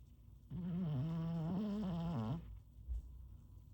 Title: Cat snoring😴 #cat #cute